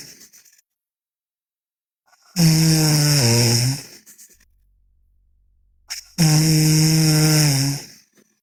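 Two long, loud, droning snores about four seconds apart, each lasting nearly two seconds, with quiet gaps between; loud snoring in sleep.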